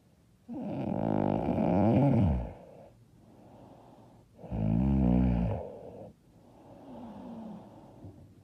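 Loud, rough, rattling snores on each breath in, with quieter breaths out. Heavy snoring during sleep.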